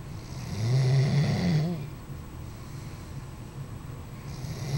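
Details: Doberman dog snoring while sleeping: one low, rumbling snore on a breath in, then quiet breathing under steady background noise.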